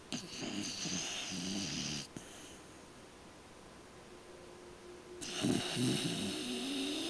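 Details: Pet dog sleeping and dreaming: two snoring breaths with a rough, rattling buzz separated by a quiet pause; snoring.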